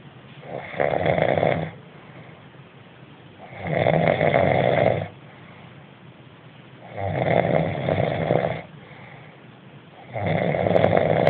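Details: Loud, rough snores on each breath in, about 4 in 11 seconds, with quiet breathing out between; heavy snoring.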